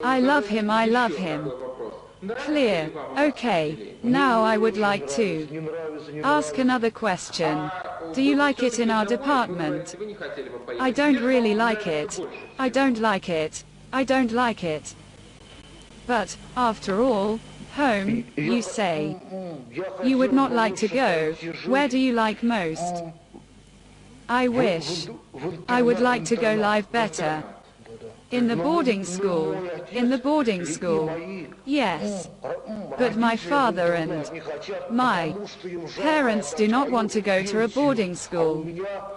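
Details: Male psychiatric inpatient with mild mental retardation (debility), reporting weakness and lethargy; speech with repetitions and fillers; speech disorder in mild intellectual disability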